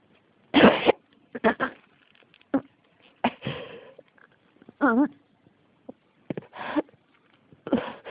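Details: A persistent, unstoppable cough: a run of roughly eight harsh, forceful adult coughs over eight seconds, with a brief voiced groan between them.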